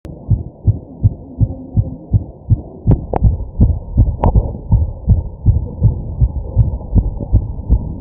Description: My fast heartbeat as I take deep breaths.